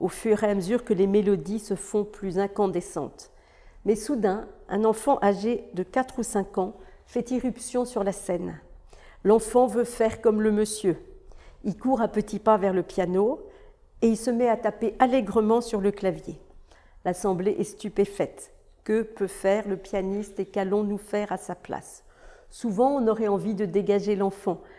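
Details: Adult woman reading aloud in French; typical speech.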